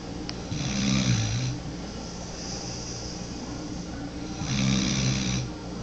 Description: 9 mo. old pitbull mix sawing logs like an old man